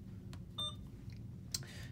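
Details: A short electronic beep followed by faint clicks and a softer tone over quiet room noise. It is an Alaris IV pump keypad beep while programming a secondary infusion of ceftriaxone 2 g in 50 mL over 30 minutes.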